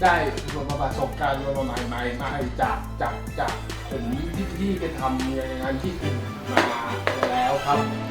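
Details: Acted stuttering by a character in a Thai short film, with word repetitions. Finding: stuttering (acted).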